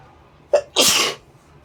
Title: inducing big sneezes with a brush & blowing my nose